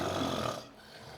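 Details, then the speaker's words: Snoring during sedated flexible endoscopy through the left nasal cavity, with no drying agent. The patient is in an apneic episode, with a vibrating palate and anteroposterior collapse. A single rough, rumbling inspiratory snore is heard, then fades. "so can you hear the snoring sound yes so we are going through the left nasal"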